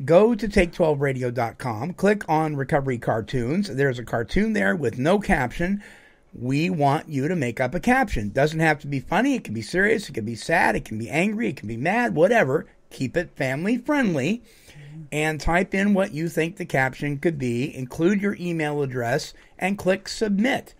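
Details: Adult male speaker (radio host); normal speech.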